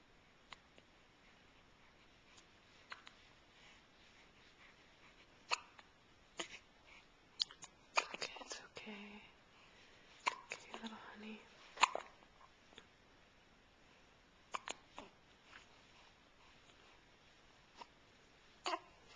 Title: Hiccups!